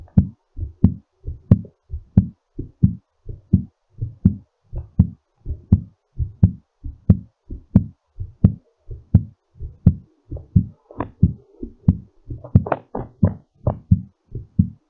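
Regular, strong low heart thumps at about 90 beats a minute, a normal heartbeat during recovery after exercise.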